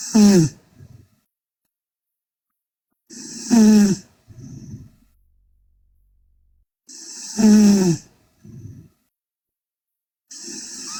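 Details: Sleeping Korean girl snoring loudly: rough snoring breaths about every three to four seconds with quiet gaps between, roughly 15 a minute.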